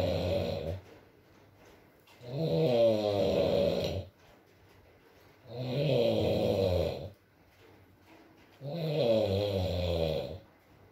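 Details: ASMR recording of a sleeping adult male snoring, about 18 breaths a minute, each breath with a vibrating, buzzy quality, in a quiet room; snoring.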